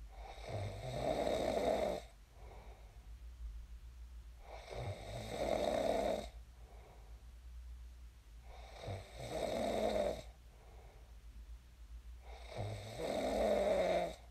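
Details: Real sleep snoring of a person who snored and then woke up: steady rhythmic rattling snores about every four seconds, roughly 15 breaths a minute, over a low room hum.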